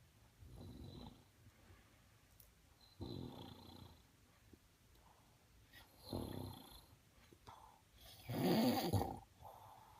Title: Sir snores a lot